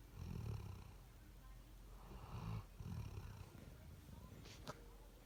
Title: Ruger snoring